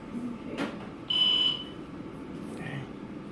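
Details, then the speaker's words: A brief high-pitched electronic monitor alarm over quiet room noise, triggered by a loose sensor on a jaundiced newborn twin delivered at 36 weeks by C-section, in hospital. "So, yeah, so one of the nurses came in because of one of the alarms for Hazel. Sorry, not Hazel, but Sophia. It got loose, so they just tightened it up."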